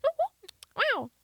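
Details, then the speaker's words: Vocal tic, a repeated "wow" sound out of context, from a female student with Tourette syndrome. "It's not every day that somebody hears a person make repetitive sounds out of context, especially in public. Trust me, I don't want to make the sounds as much as you want to hear them. But after living with Tourette's for a while, I've gotten used to it."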